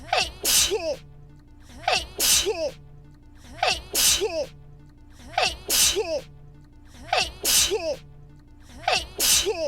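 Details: Sneeze clip made on viewer request, the same ordinary sneeze looped for an hour at about 34 a minute, each a quick intake then explosive release, over faint music.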